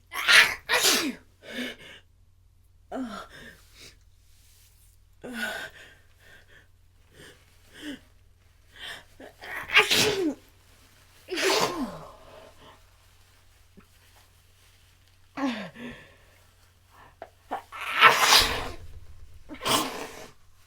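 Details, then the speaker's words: Sneezing fit: repeated gasping build-ups to several forceful, wet sneezes in a row, followed by talking about still needing to sneeze. "I still have to sneeze. Oh my god. Oh my god."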